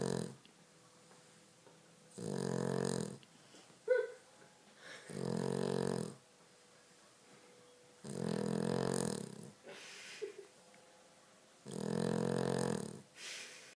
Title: Snoring Dog